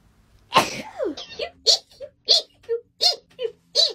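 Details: Loud sneeze then a rapid run of about five small, high-pitched sneezes from a woman, triggered by nasal swabbing during a lateral flow test; ordinary sneezing.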